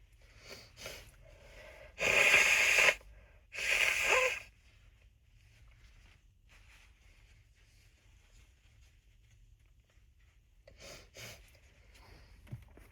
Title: A lot of nose blowing and stifled sneezes